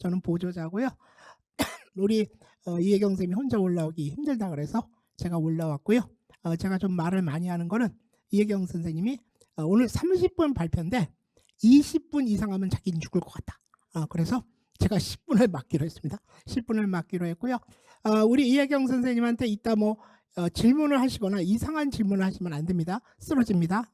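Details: Adult speaker; Typical speech.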